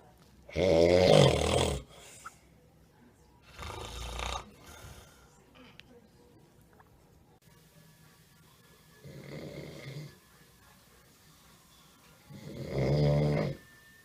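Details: Loud, rough snores recurring every few seconds, with quiet pauses, from an adult man sleeping at the dentist who doesn't use his breathing machine.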